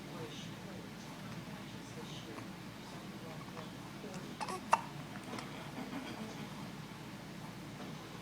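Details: A single abrupt hiccup against faint room noise; ordinary baby hiccups in an infant with a stuffy nose, hiccups continuing long after recording.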